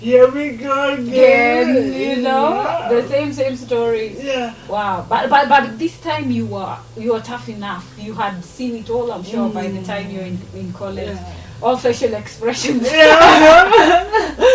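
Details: Adult woman speaking; ordinary speech.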